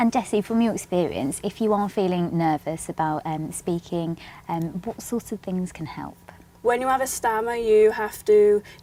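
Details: Adult woman speaking; fluent speech.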